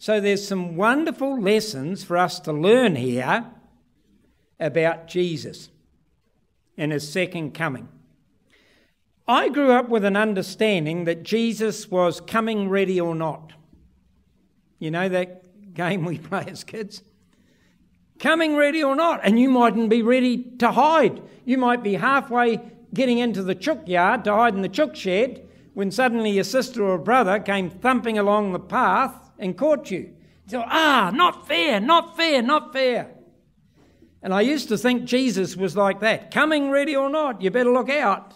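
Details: Adult man; typical speech.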